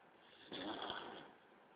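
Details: Snoring: a single rough, snorting snore on a breath, about one second long.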